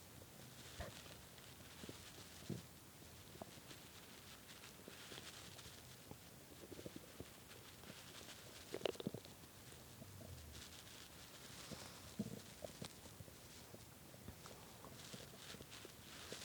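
Quiet, low gurgles and brief rumbling squeaks over faint background hiss; stomach growling with hunger, a normal sound of an empty gut.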